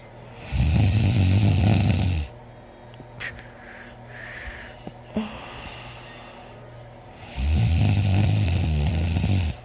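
Two loud, rough, rattling snores on breathing in, with quiet pauses and faint breath noise between them; heavy snoring during sleep.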